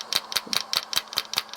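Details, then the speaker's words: Handheld shockwave therapy device on a low setting over a man's elbow, nearly 50, with golfer's elbow after a motorcycle crash: sharp regular mechanical clicks about five a second, planned for 5 minutes or 2,000 strikes. "And so I'll do this for about 5 minutes or 2,000 hits. So it'll strike, that little hammer will strike about 2,000 times, and then I'll give it a quit."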